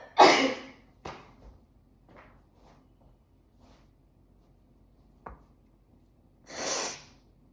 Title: How to sneeze nonstop extreme! ( part 30)